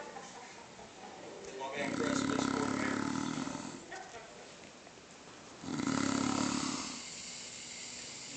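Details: Person snoring: two loud, rough, rattling snores on breathing in, separated by quieter breathing out.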